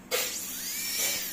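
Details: Steady, very high-pitched hissing whine of an air-turbine dental handpiece (airotor) spinning up and running in a small room.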